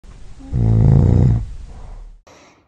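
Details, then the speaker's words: Snoring attributed to excessive tongue relaxation letting soft tissue fall back into the throat; recording relates to using a tongue-retaining device. One loud, low, rattling snore on an inward breath, then a quieter breath out. "mis ronquidos son causados por una excesiva relajación de la lengua lo que provoca que el tejido blando posterior caiga sobre la garganta y obstruye el flujo de aire causando la característica vibración"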